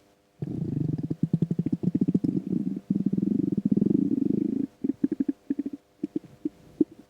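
Long gurgling, growling rumbles breaking into short bubbling bursts; ordinary stomach rumbling from an empty stomach.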